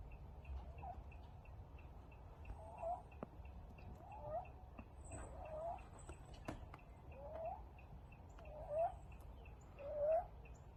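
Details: 5-week-old rescued stray kitten after an upper respiratory infection, squeaky, chirping noise on each breath in from a scarred, narrowed larynx: inspiratory stridor.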